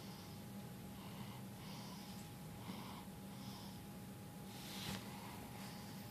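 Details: Soft, wheezy, snorting breaths repeating over steady room hum; light snoring.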